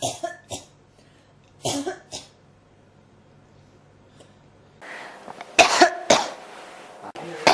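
Repeated short, dry coughs in small clusters, a persistent cough that keeps recurring.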